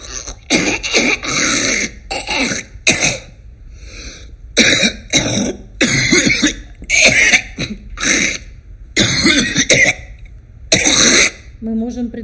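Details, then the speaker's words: Repeated harsh, wet adult coughs with throat clearing, a viscous, hard-to-clear cough: a smoker's cough. "Да это кашель курильщика вязкая трудно"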